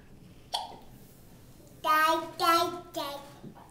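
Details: Young child hiccuping after a dinner of broccoli, pasta and sausage, recorded November 2010 on a Flip Video camcorder: a sharp single hiccup, then three short voiced sounds in a quiet room; hiccups.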